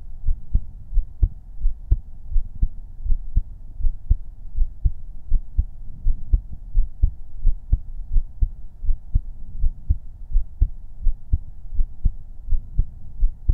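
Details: Heartbeat-only ASMR recording made with a 3Dio binaural microphone: soft, steady heartbeat thumps at about 80 beats a minute over a low hum; an ordinary normal heartbeat.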